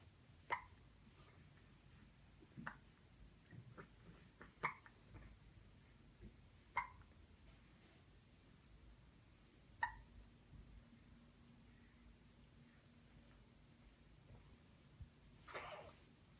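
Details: Baby girl aged 1 month 11 days with hiccups: brief sharp catches repeating every two to three seconds in a quiet room, about five or six in all.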